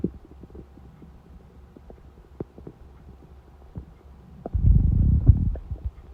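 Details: Hungry stomach at 4:30 am: low gurgles and soft pops, then a loud rolling rumble; borborygmi.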